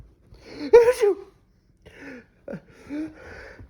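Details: A person's loud, sharp, ordinary sneeze ('achoo') followed by softer vocal sounds in a quiet room; the dog startles at the sneeze.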